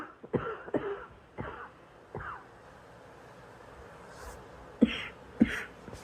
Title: Girl coughing 182